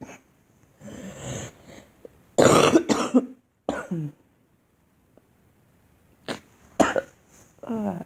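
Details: Girl giving a few short, forced coughs with throat clearing and pauses between; deliberate, acted coughing.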